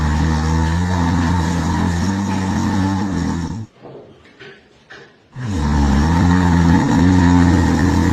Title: Funny Cow | Cow Snoring #cow #cowlover #goru #bull #viralvideo #shorts #reels #funnycow #snoring